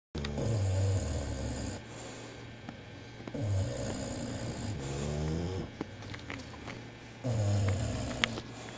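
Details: Two sleeping Bulldogs snoring: deep, rumbling snores every few seconds in a quiet room, with soft whistling breaths between.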